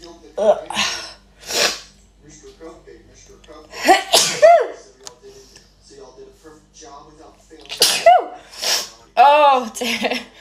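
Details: Several sharp sneezes, each led by a quick indrawn breath, with high voiced squeals and short exclamations between; uncontrollable sneezing in girls right after a Covid-19 nasal swab test, set off by nasal irritation.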